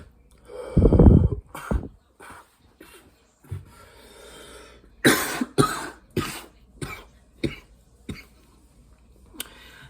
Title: Coughing up a lung 😳💨💨🫁!!